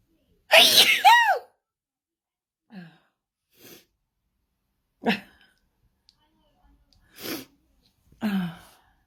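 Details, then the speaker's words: Paroxysmal sneezing: a loud voiced sneeze, then several softer sneezes with quiet breaths between, about six in nine seconds. The trigger is unknown; sometimes perfume, cleaning products or powder; sometimes no cause. "Don't ask me what the trigger is because I have absolutely no idea. I just sneeze. Sometimes I just sneeze."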